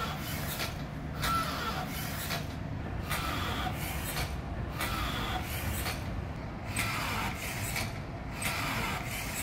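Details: Florence bench-top emergency ventilator, a motor-driven steel cable pulley compressing a bag-valve-mask for volume-controlled ventilation: rhythmic squeeze-and-release cycles over a steady mechanical hum.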